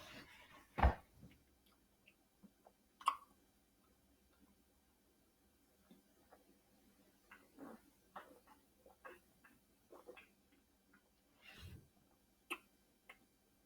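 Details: An adult belches loudly in short, low, rumbling bursts while eating peanut butter sandwiches and boiled eggs with soda, amid soft chewing and swallowing clicks in a quiet room.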